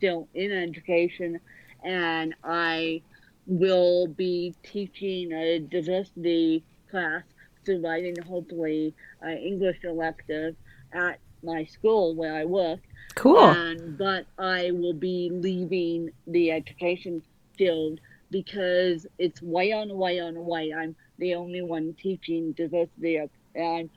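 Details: Adult woman born with cerebral palsy affecting both sides of her body; speech largely unintelligible to automatic transcription; dysarthria (cerebral palsy).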